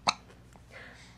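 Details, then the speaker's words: One brief, sharp hiccup in a quiet room from a smiling baby girl being held up; an ordinary, harmless infant hiccup. "oh we got hiccups we got hiccups let's get you up right uh oh hiccup you can smile through the hiccups right can you can you smile through the hiccups"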